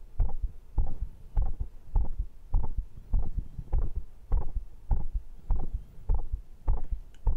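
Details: Regular deep heartbeat thumps, about 100 a minute, recorded after arm curls, dips and pull-ups workout rounds (stated rate around 98–122); a fast but normal heartbeat after exercise.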